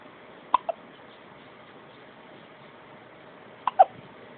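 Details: Hiccups in a boy: two brief pairs of sharp, abrupt throat clicks about three seconds apart over steady room hiss.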